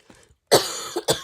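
A faint breathy sound, then one loud cough burst trailing off and two further short coughs.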